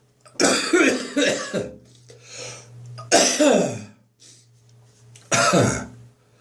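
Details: Morning cough after bronchitis, phlegm nearly gone: several harsh, dry, unproductive coughs and throat-clearing bursts in short groups.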